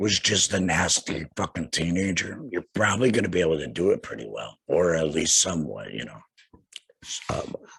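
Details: Laryngectomee speaking with a tracheoesophageal puncture (TEP) voice prosthesis; tracheoesophageal speech after laryngectomy.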